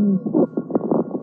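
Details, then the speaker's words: Lung auscultation in a patient during a bronchial asthma attack: musical whistling and groaning dry wheezes (dry rhonchi) from bronchospasm and bronchial narrowing with viscous secretions. "Сейчас вы слышите сухие хрипы у больного во время приступа бронхиальной астмы."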